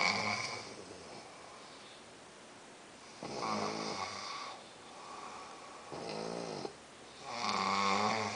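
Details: Two sleepers snoring together, one softer than the other; loud rhythmic rattling snores, about three breaths in eight seconds, each with a buzzing, fluttering tone; snoring.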